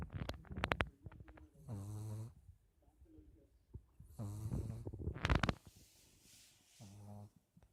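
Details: Repeated low, vibrating snores about every two and a half seconds, with clicks and handling noise between breaths; ordinary snoring.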